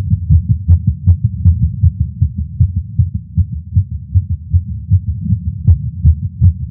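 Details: Male smoking a cigar after not smoking for a while, feeling lightheaded; heartbeat heard through a stethoscope is rapid and regular at about 150–160 beats a minute, showing tachycardia influenced by nicotine.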